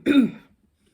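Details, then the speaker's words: Woman with a hoarse voice, ill from air conditioning and heat: a single short, voiced throat clear under half a second in a quiet room; throat clearing. "j'ai la voix cassée parce que je suis malade à cause des climes et de la chaleur."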